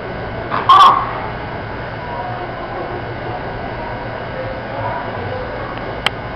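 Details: Chicken with serologically confirmed Mycoplasma gallisepticum respiratory mycoplasmosis gives a single short, sharp sneeze, then steady background hum.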